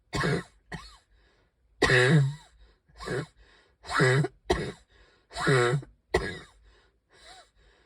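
About eight harsh, voiced coughs in quick bouts, with strained, whistly breaths between them; a coughing spell with laboured breathing.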